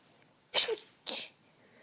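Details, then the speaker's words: Stifled, quiet sneezes from someone recovering from illness with slight congestion, sneezing on and off after cleaning a dusty closet, possibly from dust. "I don't know what's making me so Sneezy cuz I have hardly been outside today but I guess I was cleaning earlier so maybe there was some dust on the air or something"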